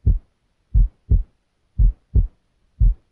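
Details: Physiologic split S2 heard on cardiac auscultation during a physical assessment demonstration; the patient is breathing normally.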